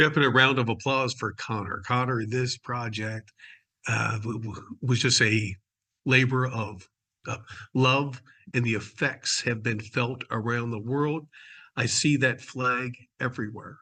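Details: Adult male speaker; ordinary adult speech.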